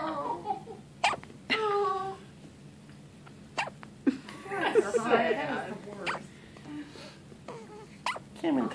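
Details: A baby with hiccups, lying down: sudden short hiccup jolts, several over a few seconds, mixed with baby squeals and adult voices nearby.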